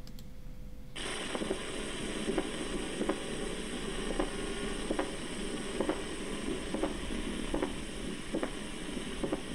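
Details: Diastolic (pericardial) knock heard in early diastole: pericardial knock.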